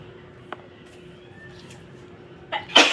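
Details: After a quiet lead-in, one sharp explosive sneeze, attributed to dust allergy; sneeze.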